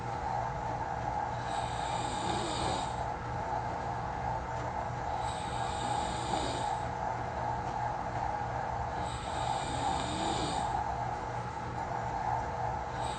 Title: Recorded myself snoring😂it sounds weird! soft, quiet.